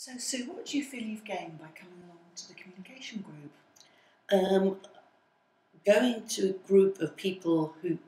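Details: Adult woman speaking; typical speech.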